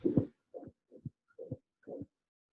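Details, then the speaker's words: Child's heart at about 125 beats a minute, recorded with an iPhone at the apex, not the left subclavicular area: a loud, rough continuous murmur filling each beat, due to a coronary artery fistula. "qu'est ce qu'on entend là on entend un flux qui a l'air d'être systolique ou continue ses bas donc temps un souffle continu"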